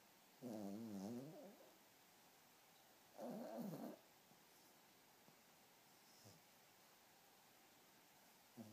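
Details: Pomeranian puppy snoring: two drawn-out, wavering nasal snores about three seconds apart, then quiet breathing with faint room noise; ordinary snoring in a small dog.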